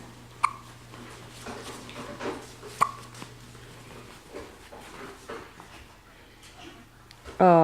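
Two sharp, brief hiccup sounds a couple of seconds apart over quiet household talk and a low hum.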